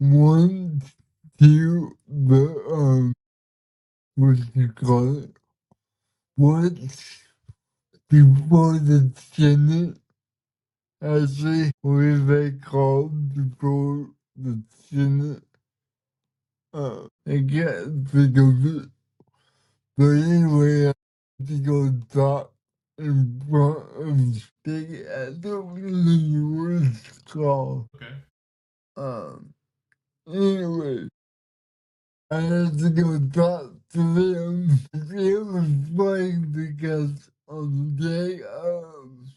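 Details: 32-year-old man with cerebral palsy whose body resists him, making communication hard at times; listeners need patience and focus to understand him; dysarthria.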